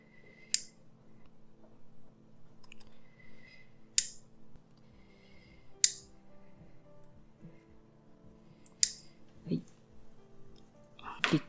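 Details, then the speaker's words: Orthodontic wire replacement on a staff member: tied upper-arch ligature wires twisted together and cut with a pin cutter; several sharp metallic snips over quiet room hum. "結んだ結紮線は一回このようにぐりぐりとまとめてピンカッターで切っていきます。"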